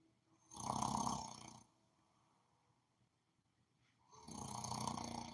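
Two loud, rough snores on the in-breath, about four seconds apart, with quiet between them.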